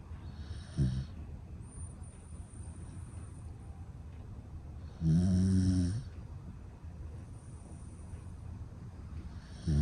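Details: Sleeping male standard Dachshund, 9.8 kg, born February 2018: low, rattling snores every few seconds over faint room noise; snoring.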